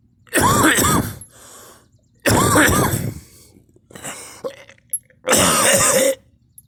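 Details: Cough with vomiting, about five times, the person saying they threw up with nothing in the stomach: four loud, harsh coughing bouts, each a strained double cough followed by a breathy gasp, with a wet, retching edge.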